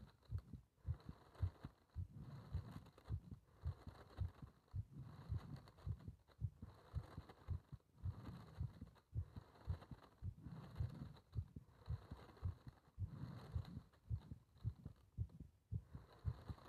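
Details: Heart sounds recorded during paper-bag rebreathing (part one): regular low heartbeat thumps at about 109 a minute, slightly fast.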